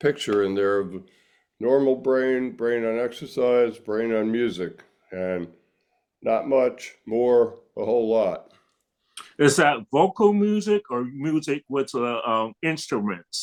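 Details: Adult male stroke survivor with aphasia after stroke; aphasia.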